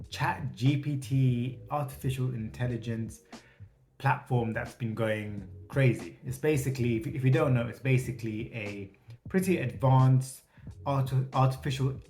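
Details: Adult male who states he has a stutter; finding: stuttering.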